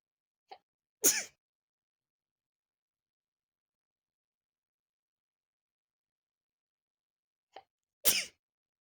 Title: random morning sneezes